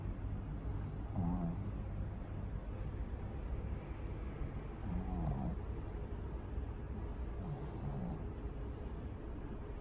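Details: A pug snoring very loudly: low rumbling snores about every 3.5 seconds, roughly 17 breaths a minute, each with a rough fluttering inhale.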